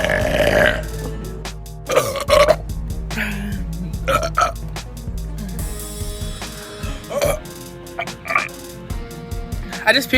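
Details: Girl deliberately burping: several drawn-out croaking burps over loud background music, with brief talk between them.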